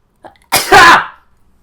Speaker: Have you guys heard me sneeze before? I don't know if you have or not, but a lot of people say I sneeze like a dad.